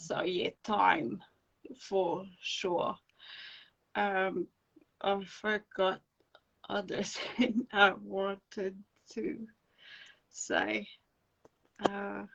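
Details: Adult woman with non-fluent aphasia after encephalitis and an anaesthetic-related brain injury; speech slow and broken, with dropped words when fatigued.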